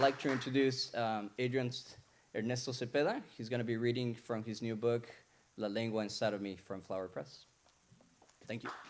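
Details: Adult man speaking; no speech disorder.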